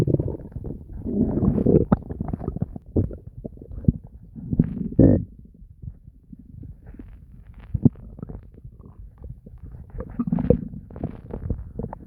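Frequent gurgling, bubbling and rumbling from the stomach, almost without pause: ordinary loud bowel sounds.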